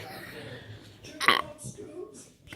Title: Abc burping....